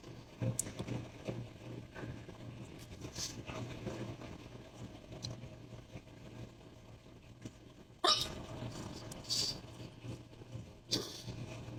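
Two sharp, abrupt catches about three seconds apart stand out over a steady low room hum, fitting hiccups.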